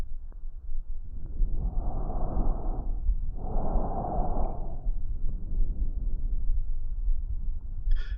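Two soft, even breath sounds over steady low rumble, a normal breathing pattern through the stethoscope.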